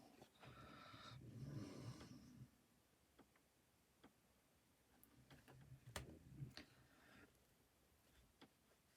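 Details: Harsh, noisy, snorting breaths from a dog whose organs are failing per the vet, in two bursts with quiet room noise and light clicking between; laboured breathing.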